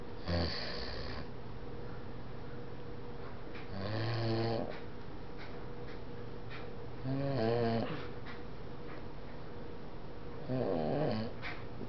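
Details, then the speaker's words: Dog asleep on a couch: slow rumbling snores, about one every four seconds, over steady room hum; snoring. "She's sleeping on my couch and snoring."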